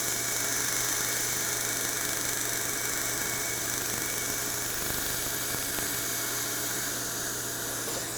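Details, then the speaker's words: Erbium YAG hard-tissue dental laser with water spray at relatively low energy, passed back and forth over an e.max veneer to remove it: steady hissing spray with rapid crackling pulses, about three to four a second. "we are going to use water with this and gain relatively low energy and we're just going to go back and forth over the surface of the restoration"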